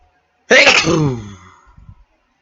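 One sudden explosive burst followed by a voiced tail that falls in pitch and fades, typical of a single sneeze.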